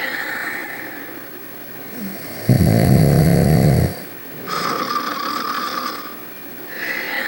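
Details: A loud, rough, low rattling snore on an in-breath between quieter breaths; snoring, from Ruby and Sonic.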